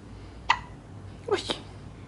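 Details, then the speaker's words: Two or three brief, abrupt catching sounds over steady room hum; hiccups in an awake, non-crying infant girl after a feeding of about an hour, described as very uncomfortable but very funny. "tiene un hipo muy incómodo pero muy gracioso"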